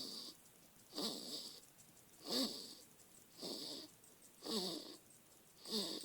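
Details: Baby snoring: soft, regular breathing with a faint whistly, snuffly edge on each breath, about 49 a minute; an infant's light snoring.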